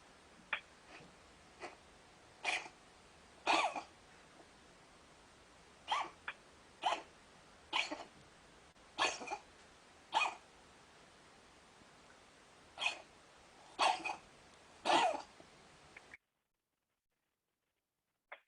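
Repeated short, harsh coughs in irregular bouts from a dog, about a dozen over fifteen seconds.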